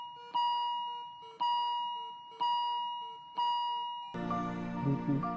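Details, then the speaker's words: Simulated ICU patient monitor warning alarm ringing about once a second, then music, in a dramatized scene of a man dying in ICU from alcohol harm; afterwards breathlessness managed with emergency drugs and ventilator support. "जैसे ही हमारी बातें खत्म हुई तभी अचानक से ICU monitor की warning alarm भी बजने लगी"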